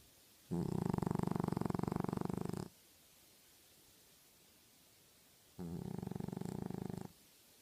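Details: Tibby, a sleeping pet, snoring: two long, low, fluttering rumbles on breathing in, separated by quiet pauses.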